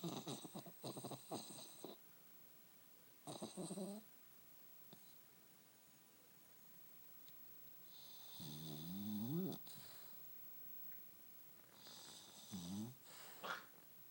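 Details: Pug puppy snoring: soft snorting, rattling snores in irregular bursts with quiet pauses between.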